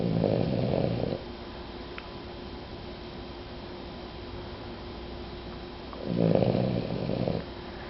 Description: Our dog Jewel. She snores like an old lady.